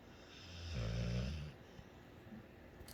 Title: She snores so loud! It gets worst! 🤣